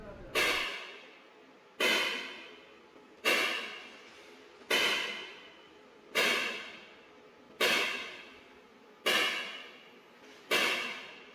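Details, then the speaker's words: X-ray (C-arm) guided ESWL of a right kidney stone with the patient lying comfortably: sharp, crackling spark-like shock-wave bangs, evenly spaced at about 41 per minute, each fading quickly, stopping automatically after 500 shocks. "500 shocks पूरे करने के बाद ये shocks automatic खत्म हो जाते आपने देखा होगा यह आवाज इसकी बंद हो गई है।"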